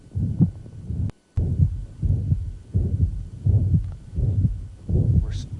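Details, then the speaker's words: Mitral regurgitation murmur: holosystolic blowing murmur reaching peak intensity right after the first heart sound and lasting to the second, loudest at the apex, radiating to the axilla; heartbeat about 85/min. "now mitral regurgitation differs as soon as you hear first hearts and the murmur is going to reach peak intensity and it's going to last until the second heart sound it's gonna be loudest at the apex generally radiating into the eczema"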